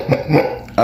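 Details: Vocal tic in an adult man with Tourette syndrome, occurring mid-speech while he discusses tics and faking accusations.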